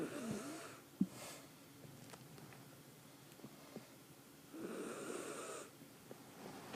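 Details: Snoring from a little girl; two hoarse, whistling snoring breaths in, about four seconds apart, with quiet between them.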